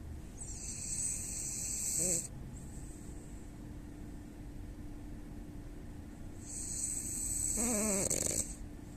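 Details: A French bulldog snoring: loud whistling, snorting snore sounds with each breath over a steady background hum. Snoring.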